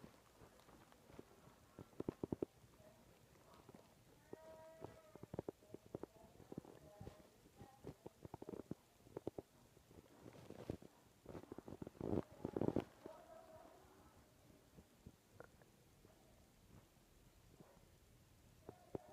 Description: Small growls from the stomach.